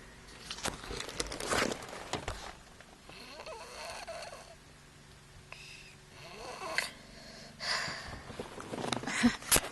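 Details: Sleeping 2-year-old boy with thalassemia trait and very large tonsils, waiting in the car at hospital for a blood test: rough, rattly snores with a faint whistling edge over car hum; snoring.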